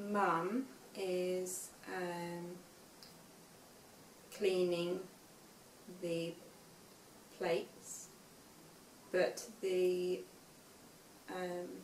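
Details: Aphasia in a young woman five years after a stroke at age 18, reading aloud an unseen text; reading has been hard for her since the stroke.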